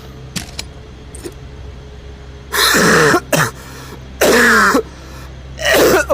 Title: The Walking Dead Saints and Sinners… but I’m Dying of a Cough The Whole Time…